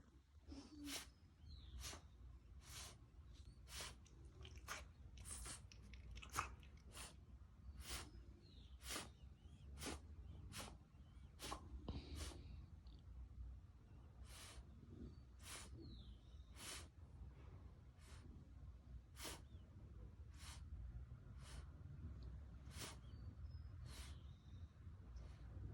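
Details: Blue French bulldog with kennel cough: a long run of short, sharp, harsh coughs.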